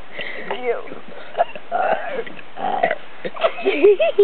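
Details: Two people deliberately burping the ABCs; several voiced, gurgling burps shaped into letter sounds, with short gaps between them.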